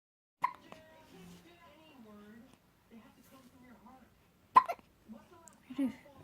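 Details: 11-day-old newborn with two abrupt, sharp hiccup clicks several seconds apart, soft newborn grunts and quiet talk in the room: hiccups.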